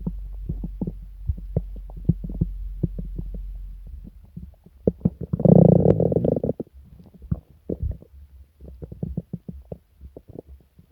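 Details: Person sick for several days with stomach pain, diarrhea and nausea; irregular low gurgles and rumbles with a louder churning growl midway: loud borborygmi from an upset stomach.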